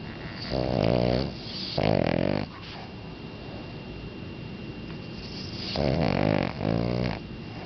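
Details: Boston Terrier (Ruger) asleep: paired snorting snores rising and falling in pitch, separated by a quiet pause; ordinary snoring in a sleeping small dog.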